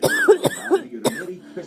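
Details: Repeated dry-sounding cough: three sharp, harsh bursts and a fainter fourth, soft tonal sound in background; described as an awful cough.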